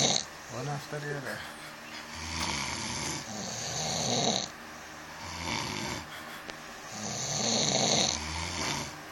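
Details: In a snore battle, loud, rough, rattling snores repeat in overlapping cycles about every two seconds from more than one sleeper; snoring.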